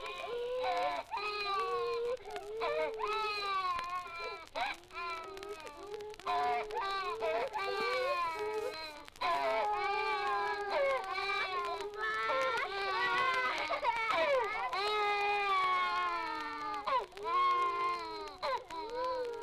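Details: Several babies crying at once in a nursery, overlapping wails and whimpers over old-record hiss: ordinary infant crying from an archival sound-effects 78 rpm record.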